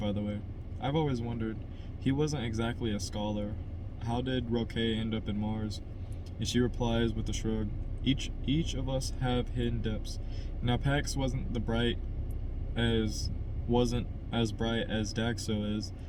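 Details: Adult man who stutters, reading a novel chapter aloud as practice to help his stutter and hoping not to stutter; word repetitions and revisions; stuttering.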